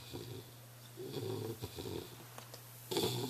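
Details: English Bulldog snoring, recorded on a Flip Video camera: noisy, rattling snoring with snorty breaths over steady room hum, loud airway noise typical of a sleeping flat-faced dog.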